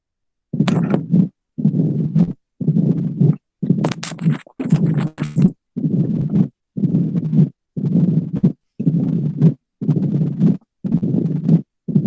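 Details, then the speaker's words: Mitral stenosis, slow heart about 60 a minute: an opening snap right after the second sound, then a low rumbling diastolic murmur filling the pauses, not radiating. "Cuando escuchamos R2 instantáneamente, escucho el ruido agregado que es el chasquido de apertura, luego pues se da el soplo"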